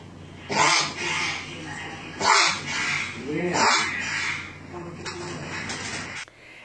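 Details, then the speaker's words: Dog having a dry cough attack caused by tracheal collapse: repeated harsh, dry honking coughs; honking cough from tracheal collapse. "sufriendo un ataque de tos seca provocado por un colapso traqueal"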